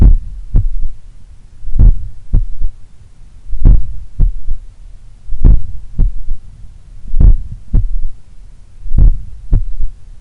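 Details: Third heart sound (S3) recorded at the apex, morning, lying on the left: slow powerful beats about 33 a minute, strong S1 and S2 then a soft low third thud; attributed to blood recoil or a slightly larger, supple left ventricle.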